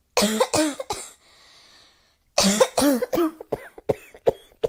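Repeated harsh coughs in two bursts of roughly three and five coughs, with a brief pause between; continuous coughing indoors.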